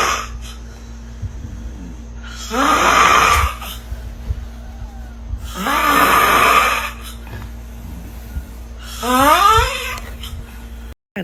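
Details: Unusual tonal snoring from a sleeping person: three loud, long snores with rising, groaning, moan-like pitch sweeps, about 19 a minute, over steady room hum.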